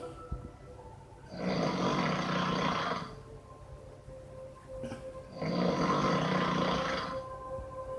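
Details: Man who fell asleep late at night in a PlayStation 4 NBA 2K chat room snoring: two long, rough, rumbling snores on breathing in, with quieter pauses and faint game sounds.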